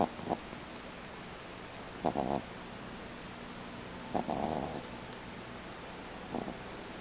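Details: Soft, brief snorting snores about every two seconds over steady room noise from a female pet still under sedation after being neutered; light snoring in sleep.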